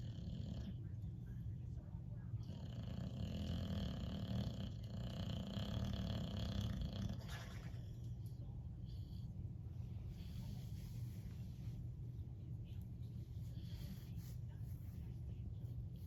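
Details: Loud snoring in a sleeping Boxer dog: continuous low rumbling, snorting breath noise.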